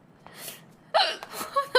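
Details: Korean streamer during a livestream: a sudden sharp gasping catch of breath followed by a brief voiced sound; hiccups.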